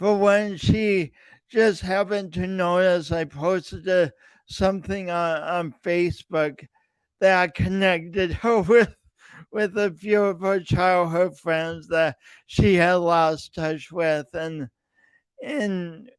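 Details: Man's real, lifelong speech impediment with coordination differences, self-described; speech impediment.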